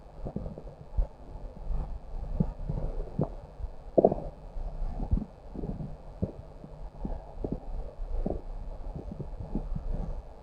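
Low gurgling rumbles and irregular bubbling pops over steady low noise: stomach growling, ordinary bowel sounds.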